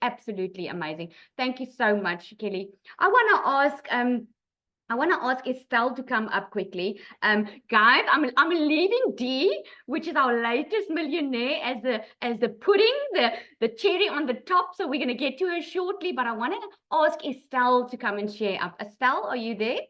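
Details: Adult female speaker; Normal speech.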